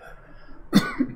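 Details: Adult man with asthma/COPD during wildfire smoke season in Spokane: a single deep, harsh cough with a short follow-up burst, lungs irritated by smoke.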